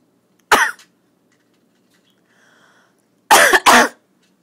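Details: Woman coughing in a quiet room while her husband dozes sitting nearby: one sharp dry cough, a pause, then two quick forceful coughs in a row.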